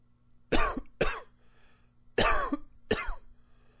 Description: It's a good coughing day :)